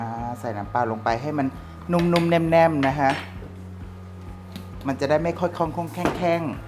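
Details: Adult male speaker; stuttering.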